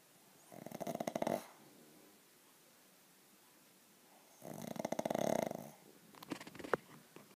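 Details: Sleeping dog snoring: two long, rattling, fluttery snores about four seconds apart with quiet pauses between; ordinary snoring.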